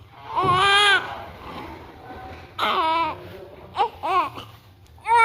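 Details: Newborn baby girl during vernix cleaning: loud, strong bursts of crying with room noise between; a vigorous, healthy newborn cry.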